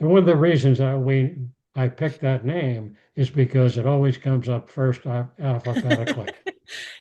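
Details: Aphasia after a stroke in an adult male, with speech rebuilt through therapy and practice; he speaks more slowly than typical and sometimes pauses to find words.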